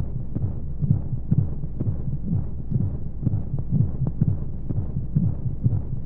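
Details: Womb-sound sleep aid for babies with white noise: soft muffled heartbeat thumps at about 125 a minute under a constant rushing hum of flowing sounds, as heard inside the womb.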